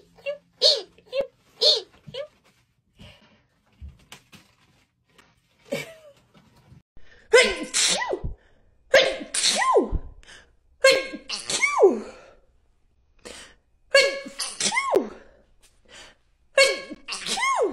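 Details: Female rapidly sneezing while doing a lateral flow test nasal swab, which she says always makes her sneeze: run of many quick, high-pitched sneezes in close bursts, each with a short catch of breath before; repeated sneezing.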